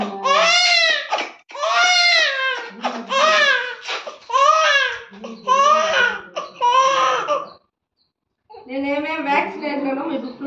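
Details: Loud, high-pitched crying in long wailing bursts with brief gasps between from a baby girl, distressed after vaccine injections given in the legs.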